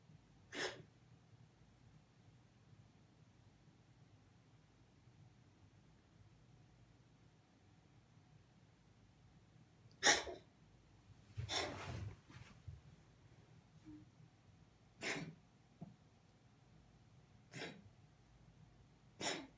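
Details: A cat found in a cold hallway gives about six short, dry, hacking coughs over twenty seconds in a quiet room; owner suspects heat shock from the cold.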